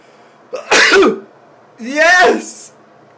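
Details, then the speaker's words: Self-induced sneeze by a person who stuck something up their nose to trigger it, after a failed first attempt. "I did it man that was awesome there you go [ __ ] 83 I sneezed Just For You on YouTube and I made myself sneeze there you go thanks"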